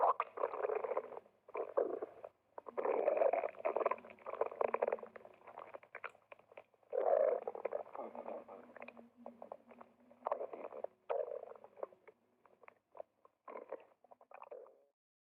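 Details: A woman's stomach growling while exercising: bursts of gurgling, bubbling rumbles with squeaky drawn-out tones in a quiet room; ordinary borborygmi.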